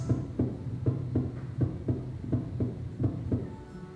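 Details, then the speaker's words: Soft heart murmur example from small-animal (dog/cat) cardiology: regular paired heart sounds near 80 a minute with a soft, quiet murmur blending between the beats. "Heart murmurs are caused by abnormal blood flow through the heart, they can be present at birth in which case they're called congenital murmurs."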